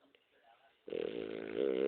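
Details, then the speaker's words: A sleepy female dog asleep in her owner's bed at dawn, snoring. After a brief quiet pause comes one loud, buzzing, rattling snoring breath lasting about a second. "se llama charla una perra muy dormilona le gusta [Música] dormir está roncando al"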